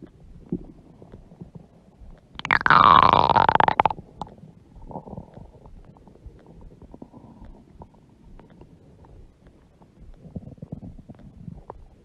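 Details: One loud, drawn-out gurgling rumble lasting about a second and a half, then faint bubbling, from a woman's belly. Stomach growling (borborygmi).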